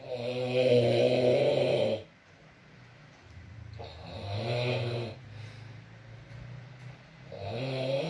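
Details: ASMR recording of an adult man (boyfriend) snoring during sleep: deep, rumbling snores recurring at intervals of about three to four seconds over soft steady background noise; ordinary snoring.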